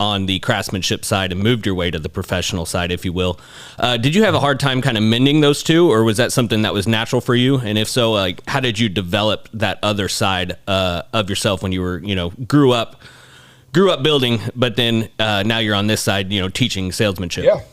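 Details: Adult male speaker; typical speech.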